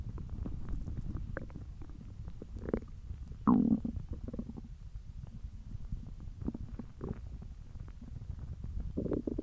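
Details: Hungry stomach noises: gurgling, rumbling bursts over soft background noise; normal borborygmi (stomach growling).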